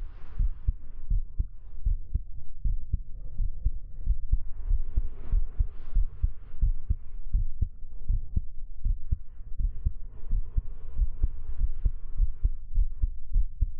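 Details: Steady, deep paired thumps close to the ear at about 75 beats a minute, with a soft hum behind them, recorded with a 3Dio binaural microphone for an ASMR hug roleplay; a regular heartbeat.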